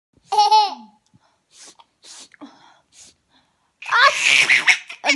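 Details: A baby squeals with laughter when the mother sneezes: a few soft sneeze-like bursts and a loud adult sneeze; ordinary sneezing.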